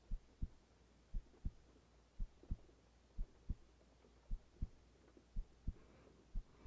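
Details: Woman's own heartbeat recorded lying in bed at night with rain in the background: steady low double thumps at about 57 beats a minute over a soft hum; normal resting heartbeat.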